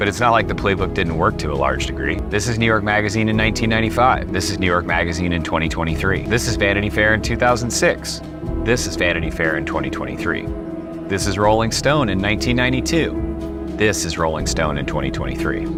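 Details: Adult male narrator; normal speech.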